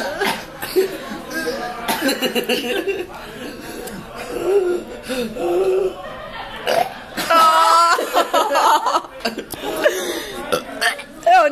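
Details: Burping: two people belching, with repeated voiced belches mixed with talking, laughter and background music.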